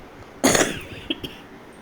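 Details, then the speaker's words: Woman with a repeated cough and affected voice, taking cough syrup, told by her doctor it will clear slowly; cough. "देखिए मेरी आवाज़ और खांसी आ रही है बार बार। चेरी कॉफ़ पी रही हूँ पर धीरे कह रहा है डॉक्टर के, धीरे धीरे जाएगी।"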